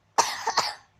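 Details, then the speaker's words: Short, fairly harsh cough burst, then a second small burst, from a young child who has a cough, a cold and a fever: cough. "Aduh, anak bunda mukanya merah. Batuk ya, pilek ya."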